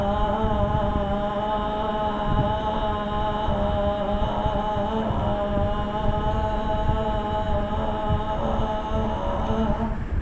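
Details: Male patient with puberphonia, a high-pitched voice since childhood, taking a deep breath and phonating before therapy; puberphonia.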